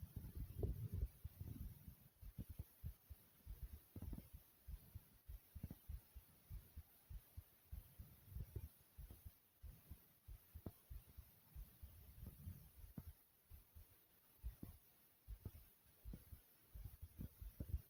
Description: Not only is my heart beating fast and hard, but you also hear my stomach.